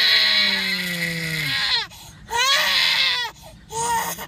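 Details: Loud, sustained infant crying in repeated bursts with falling pitch and short breaths between, baby described as irritated and sleepy; infant crying.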